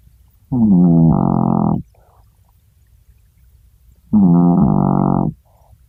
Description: Holden the Chihuahua sawing logs. How does such a tiny dog make so big a noise.